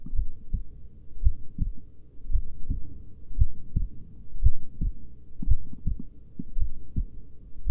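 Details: Slow heartbeat: deep, regular low thumps at about 57 beats a minute over a steady hum.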